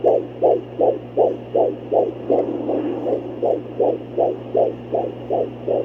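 Rapid, regular whooshing pulses at about 160 a minute over a steady hum: a fetal heartbeat on Doppler, within the normal fetal range.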